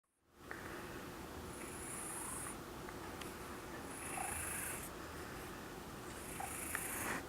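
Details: Cat with wheezing: noisy, rasping breaths with hissing surges, about 26 a minute.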